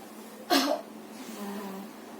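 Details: Single short, forceful cough in a quiet small room: simulated effective cough demonstration for a woman with sputum hard to bring up, after warm water and three deep breaths, coughing on the last breath.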